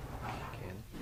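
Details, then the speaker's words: Bronchophony on chest auscultation: patient says "99", heard through stethoscope as a muffled chest sound, then a sudden loud, clear burst of transmitted voice, louder and clearer than normal. "Voice sounds that are louder and clearer than normal. as in this example are called bronchophony."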